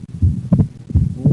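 Low, regular heart sounds with the second sound falling as two close taps rather than one. This is a split second heart sound, from delayed closure of the pulmonary valve in right bundle branch block, which keeps the split wide through breathing.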